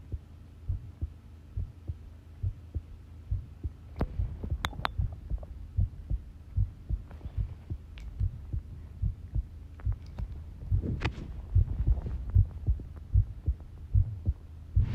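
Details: Long heart sound recording of a pounding heartbeat: steady, strong low thumping at about 75 beats per minute with a low hum and some handling noise; normal heart sounds.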